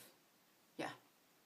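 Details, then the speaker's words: Single brief, rough snort from a pet sleeping in the room, against quiet room noise: snoring. "and if you hear that's the snoring again she is really snoring"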